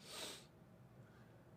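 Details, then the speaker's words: Streamer sneezing repeatedly, saying he keeps sneezing: one brief, forceful burst of hissing air through the nose, then quiet. "I'm literally getting spam sneezed. What is going on?"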